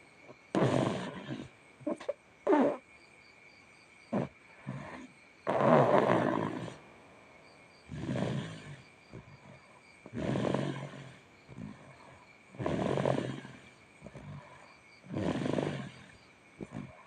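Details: Young child asleep and snoring heavily: loud, rough snoring on each breath, about 14 breaths a minute, with quieter snorts between.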